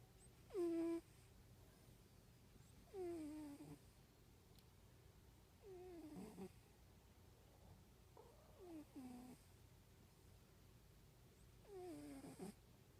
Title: Orange tabby cat snoring soundly asleep on pillow